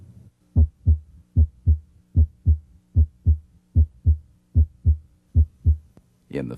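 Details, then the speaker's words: Stethoscope bell at the apex (mitral area) during a cardiovascular examination: S1 is louder than S2 and comes from mitral valve closure; normal heart sounds. "here at the mitral area s1 is usually louder than s2 it comes from closure of the mitral valve"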